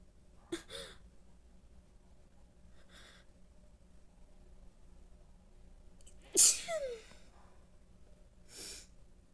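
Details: About four sneezes of varying force, sharp hissing bursts, some preceded by a short in-breath, in a quiet room; sneezing.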